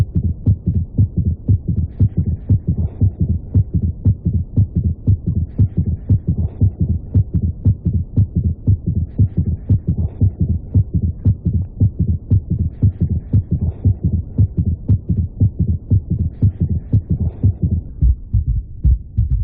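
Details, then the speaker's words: Third heart sound (S3 gallop) heard with a stethoscope in a heart failure teaching example: rapid, regular low heart thumps with an added soft early-diastolic sound forming a gallop. It is noted that an S3 can sometimes be physiological. "primero el tercer ruido en algunos casos puede ser normal ya en algunos casos puede ser algo fisiológico"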